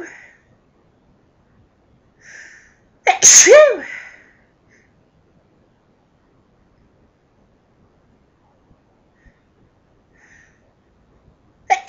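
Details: Sneezing from household dust: a sharp intake of breath, one loud explosive sneeze with a trailing voiced cry, then another sneeze beginning.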